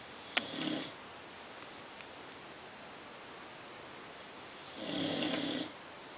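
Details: Female American Bulldog snoring: two rough, noisy breaths about four seconds apart in a quiet room, with a brief snort at the start.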